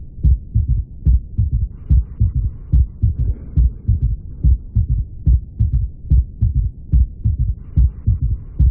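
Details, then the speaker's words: Heart failure teaching recording heard with a stethoscope: regular low heartbeat at about 72 a minute with a soft extra third sound, a gallop rhythm; third heart sound (S3). "ok y pueden oír más o menos se escucha claro no se escucha claro el tercer ruido"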